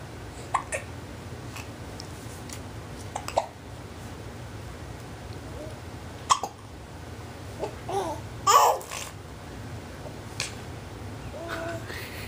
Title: Double trouble hiccup's